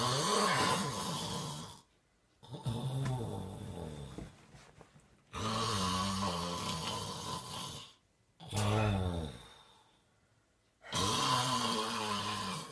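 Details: Someone, apparently addressed as grandma, snoring: loud, rattling snores in an irregular pattern, about 11 a minute, with quiet pauses between them.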